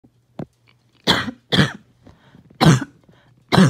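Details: First coughing fit of the day: four harsh, loud coughs in quick irregular succession with brief breaths between, as mucus would not come up as needed; coughing fit.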